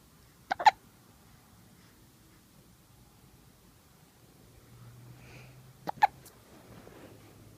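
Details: 2-day-old newborn with hiccups: two sudden, short, clicking gulps about five seconds apart in a quiet room.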